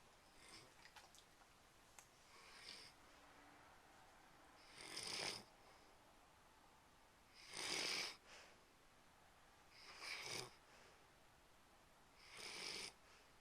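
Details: Snoring recorded with a Flip Video camcorder: airy, hissing snores about every two and a half seconds, roughly 24 a minute, over steady room noise.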